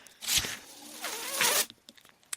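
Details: Speaker's own mechanical ventilator heard while they talk on a podcast: two rhythmic bursts of airy, high-pitched hissing with quiet gaps between, the ventilator's air-delivery cycles.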